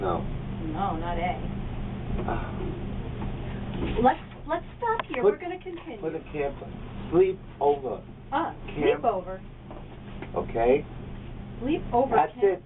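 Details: Adult speakers in a therapy session; speech.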